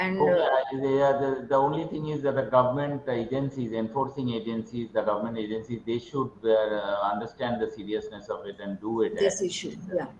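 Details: Adult male speaker; ordinary speech.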